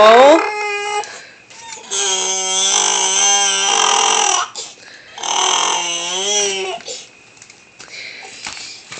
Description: My son has this hilarious cry. I don't often get it on camera, but this is just the way he has always cried.